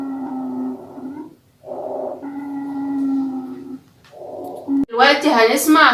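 Three long, musical, whistling breath sounds with quiet gaps, then a short rough noisy burst: wheezing.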